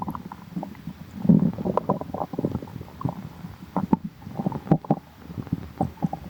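Irregular low gurgles and bubbling rumbles from the belly, ordinary bowel sounds of digestion.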